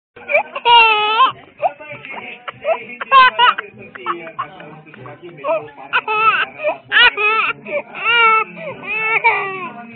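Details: An infant cries in repeated wailing bursts with rising and falling pitch and brief pauses between: infant crying.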